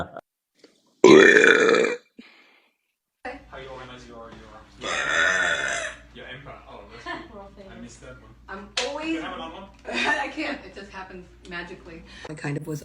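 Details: Two loud, long, voiced belches followed by casual talking; spontaneous burping from a person whose burps appear on a Frank Zappa album.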